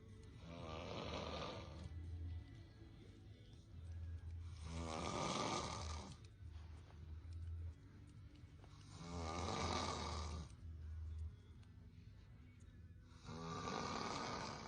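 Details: Sleeping man snoring: loud, rough snores on each breath, about 14 a minute, with background music and a low hum.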